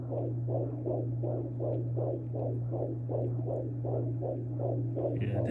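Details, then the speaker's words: Home Doppler at 19 weeks (almost 20) of pregnancy, baby boy moving: rapid, regular whooshing pulses about 160 a minute in bursts over a steady hum, music faintly behind; fetal heartbeat. "we got a doppler so we've been able to hear him i'll insert a clip of his heartbeat right here at home"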